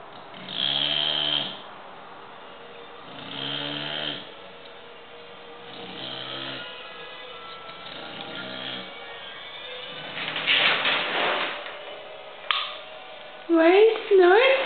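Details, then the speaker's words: Six-month-old English bulldog asleep in the dark, music in background: repeated buzzing, fluttering snores roughly every two and a half seconds, then a snort and squeaky whine; noisy snoring. "Jack. Buddy. You're snoring it up."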